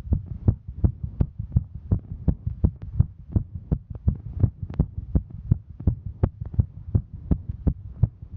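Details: Female hiking: fast, regular low heartbeat thumps of about 165 a minute with a steady throbbing hum; normal heart sounds racing during exertion.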